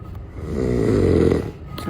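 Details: Person sleeping face-down giving a single loud, rattling snore on an inward breath with a coarse low buzz, then quiet: snoring.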